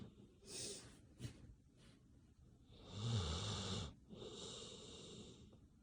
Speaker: Relaxing sounds of sleep. Doggy snoring is sleep inducing.